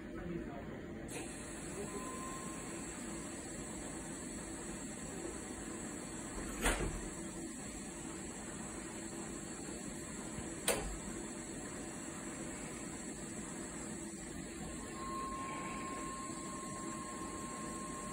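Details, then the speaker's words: Puritan Bennett 940 ventilator running its short self test (SST), oxygen test step: steady machine hum with a high tone and two sharp clicks before the first test passes. "First test passed. Disconnect expiratory filter. Expiratory filter disconnected."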